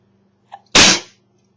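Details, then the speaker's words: Person having an unplanned sneezing attack while texting, with repeated sneezes and a runny nose: a quick catch of breath, then one loud, explosive, hissing sneeze. Single sneeze. "I just sneezed two Z's in the word sneezed again what is wrong with me I just [Music] sneezed again I better go blow my nose"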